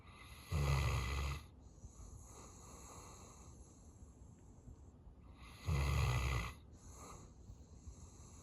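Two loud, rattling low snores about five seconds apart, with quieter breathing between them; a sleeping dog snoring.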